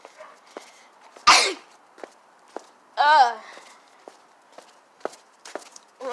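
A sharp, explosive sneeze bursts out, then a voiced cry-like exclamation, amid footsteps and clicking room noise.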